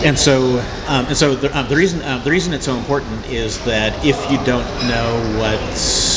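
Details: Cluttering in a man unaware of any speech problem until age 27; his typical disfluencies are repeated words and phrases, interjections, revisions and compressed words.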